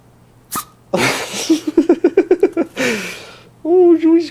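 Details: Teacup Chihuahua puppy sneezing repeatedly when its nose is petted: sharp sneeze bursts with quick short snorting puffs and a squeaky whine.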